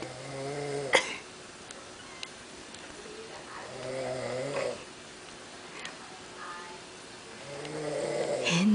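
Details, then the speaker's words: Brother sleeping in a bed too short for him while being petted with a baby blanket makes rough, rattling inhaled snores every few seconds amid quiet room noise; snoring. "is my brother sleeping and snoring, and I pet you."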